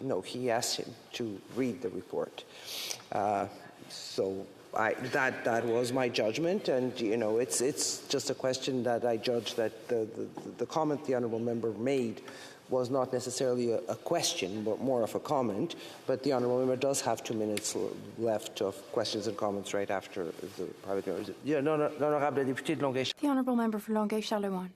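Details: Adult male speaker; normal adult speech.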